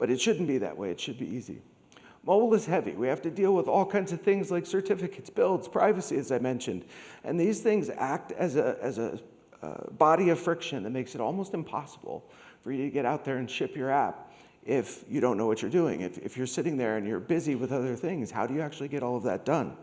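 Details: Adult man with degenerative, permanent spasmodic dysphonia following long COVID, once reduced to a whisper; treated with vocal cord Botox injections, speech therapy and laryngeal manipulation; spasmodic dysphonia.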